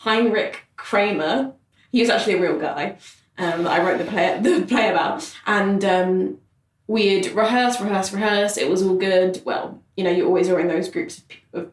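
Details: Adult man who has stammered since childhood, for about 25 years, speaking in conversation; stammering.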